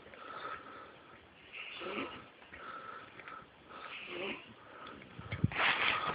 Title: Baby snores like grown man